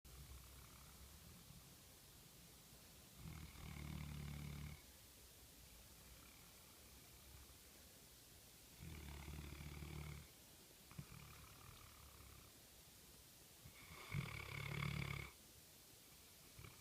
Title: Sweet South African Mastiff (Boerboel) - Kingsley snoring away. #boerboel #southafricanmastiff